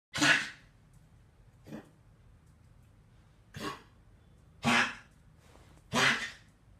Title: Cough a September 24, 2014